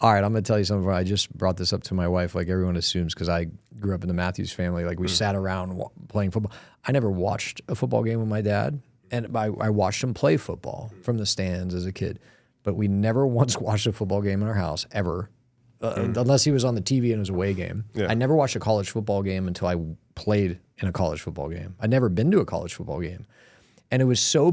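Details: Adult male speaker; normal speech.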